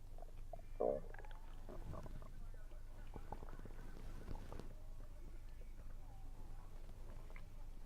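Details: Stomach sounds recorded while eating, which the person attributes to low air pressure; low gurgling and rumbling with bubbly bursts over a background hum, some chewing sounds; ordinary active bowel sounds.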